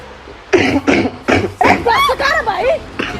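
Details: Cough in a school exam-room skit; a throat-tickle cough that cough drops cannot stop.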